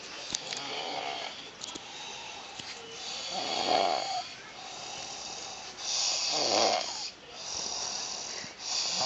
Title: Man Snoring In Bed Very Funny